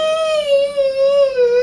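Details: Sustained high-pitched, steady, tearful wailing from a young girl, frightened and resisting during an ear piercing; ordinary fearful crying without signs of breathing difficulty.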